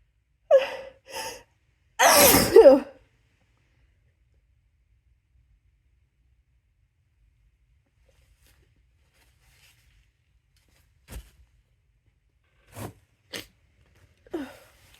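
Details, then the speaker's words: An adult's deliberately induced sneeze with an object held in the nose: two quick catching breaths, then one loud, harsh sneeze, followed by quiet sniffs and snorts. "Okay, that sounds so silly when I sneeze like that."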